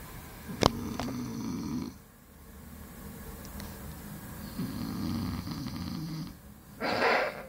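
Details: Sleeping boy: rough, rattling snores on the in-breaths, separated by quieter pauses; snoring.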